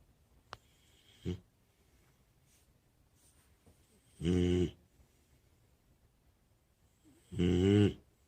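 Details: Worn-out American Bully dog asleep: a couple of faint breaths, then two loud rattling snores about three seconds apart. Ordinary dog snoring.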